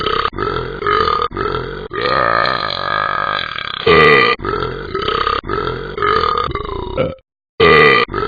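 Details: Simulated: long, loud, drawn-out burps strung together to follow the tune of Twinkle Twinkle Little Star, replayed from the Talking Ben cartoon dog app character; burping.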